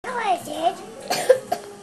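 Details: Two-year-old child: voiced, sing-song vocal sounds followed by three short cough-like bursts, possibly deliberate; cough.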